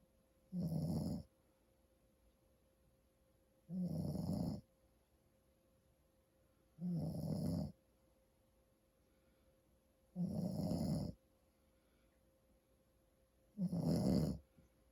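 Five loud rattling snores on the in-breath, roughly 18 a minute, separated by quiet pauses; snoring during sleep.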